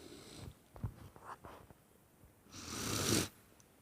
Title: More sneezing and noseblowing (Male)